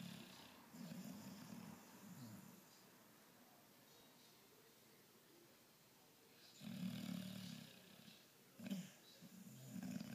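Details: Low fluttering snores with long quiet pauses between them, over faint room noise; snoring.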